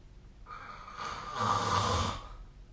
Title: 🐽 本日のイビキ / Snoring Sleep Sound 2025/05/05